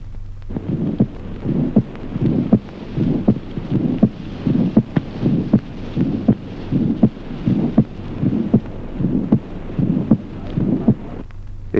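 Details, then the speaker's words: Accentuated second heart sound with a harsh systolic murmur of sclerosis: regular heartbeat near 80 a minute, loud sharp second sound and harsh murmur between beats. "Ejemplo 28. Accentuación del segundo ruido cardíaco. Simultáneamente soplo sistólico áspero de esclerosis."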